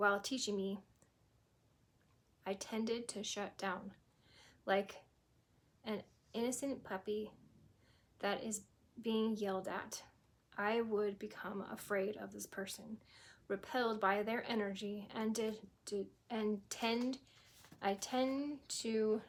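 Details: Aphasia in a woman after a stroke at age 18, 25 years ago; she was initially unable to speak at all and says she still sometimes cannot speak.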